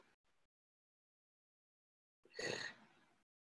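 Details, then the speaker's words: Agonal breathing in an unconscious victim, noted as obstructed airway, during a breathing check: a single harsh, snoring gasp after nearly two seconds of silence, irregular intermittent breaths. "it's like intermittent breaths breath sound that happens every few seconds they're not regular and you can see like this guy is is like snoring uh it's because the airway is obstructed and that's why you hear these breaths"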